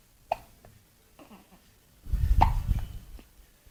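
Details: A few brief, sharp catching sounds at irregular intervals against low rumbling noise; hiccups, apparently from a cat named Delphine.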